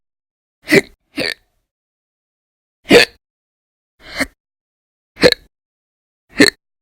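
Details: Six short, sharp gulping hiccups at uneven gaps over about seven seconds, separated by silence; an audio-only recording from a series of daily violent, loud hiccup episodes during December 2019.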